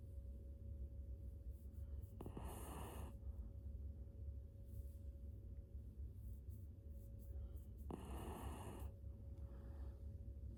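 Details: Loud snoring.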